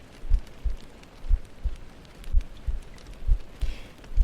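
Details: ASMR stream heartbeat sound: low soft thumps roughly 60 to 70 a minute under a hiss of rain; slow, calm heartbeat.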